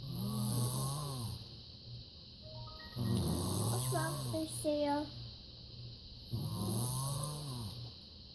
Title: Snoring!